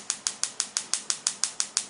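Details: Focused shockwave therapy to a rock climber's index finger, for an ulnar collateral ligament injury at the distal interphalangeal joint from four months ago, fourth treatment: sharp, evenly spaced clicking pulses at about six per second.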